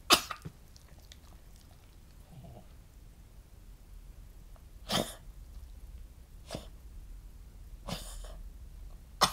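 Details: Cavalier King Charles Spaniel born June 2010 with Chiari-like malformation, hydrocephalus, syringomyelia, partial chordae tendineae rupture with regurgitation, and non-cardiogenic pulmonary edema; harsh explosive gagging coughs or snorts seconds apart on waking; choking-like cough since summer 2016.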